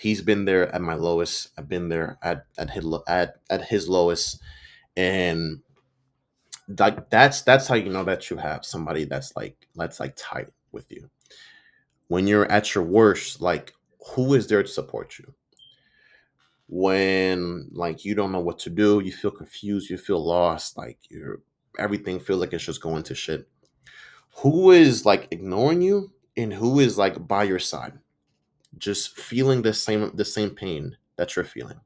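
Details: Stuttering in an adult man, self-reported, with audible sound and word repetitions; he says he sometimes stutters and butchers or mispronounces words.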